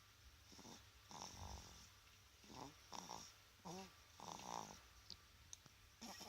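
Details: Sleep snoring: soft, uneven snores with brief snorty breaths and a faint squeak in a quiet room.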